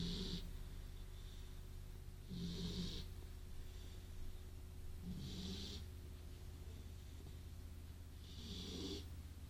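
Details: Beagle snoring while asleep after a good walk.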